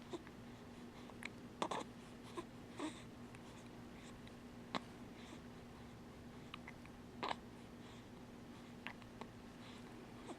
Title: Hiccups May 10